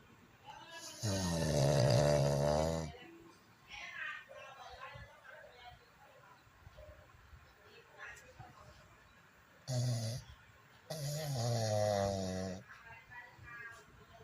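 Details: Snoring: loud, rattling snores, each about two seconds long, separated by quieter breathing and faint room noise.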